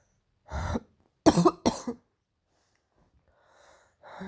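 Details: Painful morning cough: three harsh, throaty coughs in quick succession, then quiet breathing.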